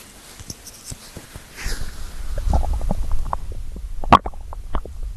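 Low gurgling and rumbling with scattered pops and squeaks, ordinary stomach growling from hunger.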